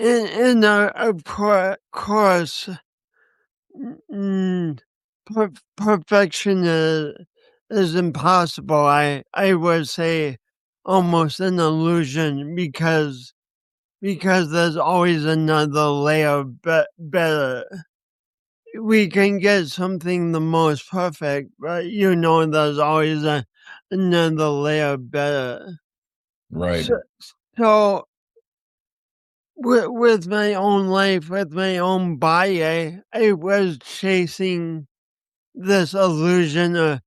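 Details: Speech impediment with disfluency in a man who also has coordination issues; he says he has not overcome it.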